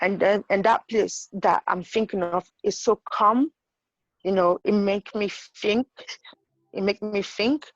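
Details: Woman with intracranial hypertension and sight loss who reports stuttering and difficulty saying known words because of her condition. Finding: stuttering.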